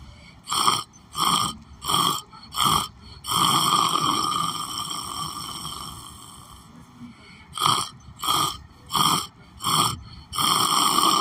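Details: Repeated short rasping breath noises, a longer noisy stretch and a quiet gap, then more bursts; snoring in a sleeping adult.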